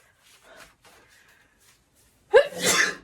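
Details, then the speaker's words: Acted sneeze attributed to bad allergies, with teary eyes: soft intake breaths, then one loud, powerful, explosive sneeze. "I just have the worst allergies it always makes me sneeze so much so sorry if I'm tearing up a little these just are just such big powerful sneezes it's a hard to contain"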